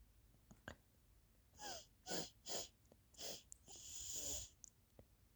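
A run of five short, explosive, hissing nasal bursts, the last one drawn out. Repeated sneezing with a head cold.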